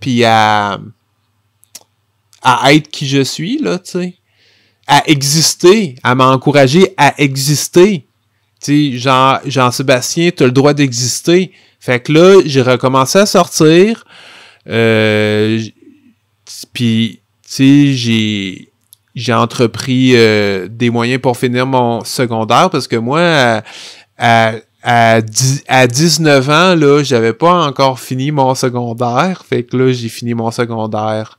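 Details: Stuttering in an adult man who stutters.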